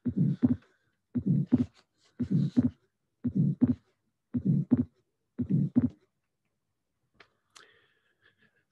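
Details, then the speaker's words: Atrial septal defect, steady rhythm near 60/min: fixed splitting of the second heart sound with a soft systolic ejection murmur from increased flow through a normal pulmonic valve. "This finding is a nice finding of a fixed splitting of the second sound, ejection murmur due to increased flow in a patient with the atrial septa defect."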